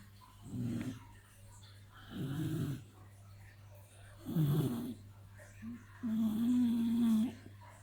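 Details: Four snoring sounds in a quiet room, rough breathy bursts with a longer tonal snore at the end; a sleeping puppy snoring.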